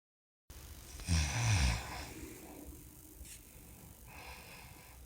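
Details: Snoring: one loud, low, rattling snort-like snore, then quieter breathing.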